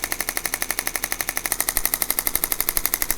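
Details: Rapid regular sharp tapping pulses, about 4 per second, from a shockwave therapy device applied to the sole of the foot of an adult man with bilateral plantar fasciitis (possibly not true plantar fasciitis).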